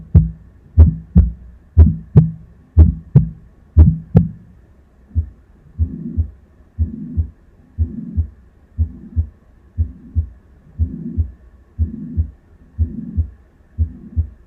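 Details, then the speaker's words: Simulated heart sounds on an auscultation simulator, about 60/min: sharp snapping loud first sound at the apex, then soft rumbling murmurs; mitral stenosis (left atrioventricular orifice stenosis) with tricuspid regurgitation. "здесь ист и нос левого отремонтрикулярного отверстия митральный стеноз и недостаточность трехстворчатого клапана"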